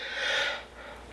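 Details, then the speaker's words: Adult gives one brief, forceful, hissing burst of air that fades quickly: a single sneeze. "That's how we sneeze."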